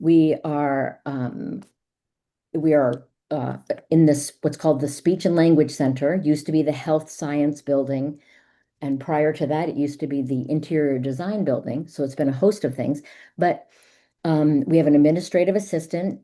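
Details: Adult woman speaking; Normal speech.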